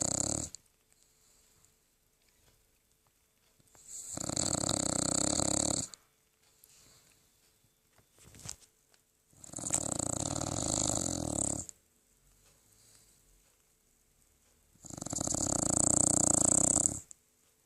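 Loud, rough snoring breaths about every five seconds with quiet pauses between them. This is a dog snoring in sleep.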